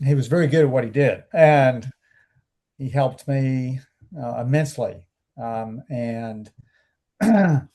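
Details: Male stroke survivor about 12 and a half years post-stroke, after speech therapy; anomic aphasia.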